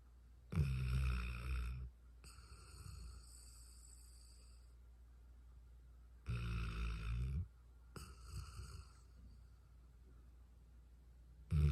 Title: He’s a snoring 😂 #dog #pets #petlover #petowner